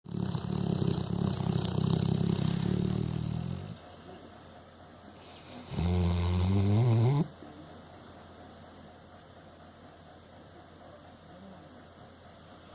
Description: My dog Frankie snoring really has to be seen / heard to be believed!